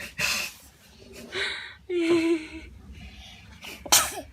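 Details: Several sharp, breathy bursts with brief voiced sounds in between, the loudest a forceful sneeze near the end; the sneeze is described as dazzling; sneezing.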